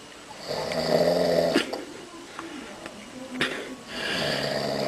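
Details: Man snoring with a loud, droning snore on inspiration, a quiet pause, then another long, buzzing snore.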